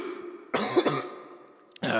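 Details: Acted harsh throat-clearing cough burst from an adult man playing a pastor delivering the verse of the day, followed by a second onset.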